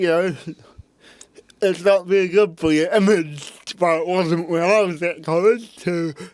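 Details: Adult man with cerebral palsy since birth, parents told he would never walk or talk, intensive therapy from birth to age six for walking and talking; dysarthria (cerebral palsy).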